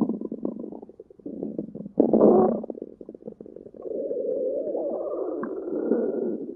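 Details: Bubbling gurgles followed by a long, drawn-out squeaky rumble: ordinary stomach growling from gas and fluid moving.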